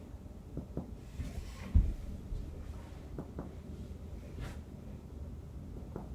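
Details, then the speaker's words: Normal resonant percussion note over the anterior chest, percussed in a ladder pattern in the intercostal spaces from apices to bases during a nursing respiratory assessment; resonance heard throughout. "all right so that was my anterior percussion and i heard nice resonance sounds all over"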